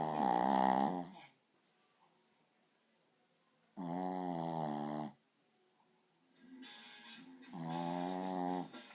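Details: Puppy asleep: loud, buzzy, tonal snores on each breath, separated by quiet pauses; snoring.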